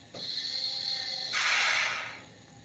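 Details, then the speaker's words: Mechanical ventilator, a test unit no longer in hospital use, cycling in volume assist-control mode: a swelling then fading mechanical hiss and whir as each breath is delivered. "Ahorita estamos ventilando en modo volumen, ¿sí? Si ven en la parte superior dice volumen AC, aquí en esta parte, ¿no?"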